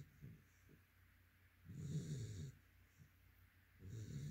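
Quiet room with a dog's soft, low rattling snores on the in-breath, two longer snores a couple of seconds apart.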